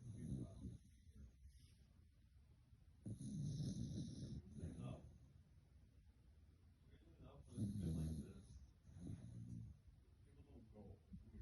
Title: Snoring baby